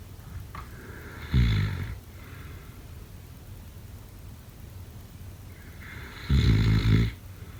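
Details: Snoring.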